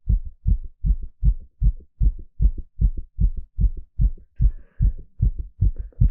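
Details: Rapid, regular lub-dub heartbeat at about 155 beats per minute with clear double thumps, recorded live during an ECG exercise stress test: normal heart sounds at a fast rate.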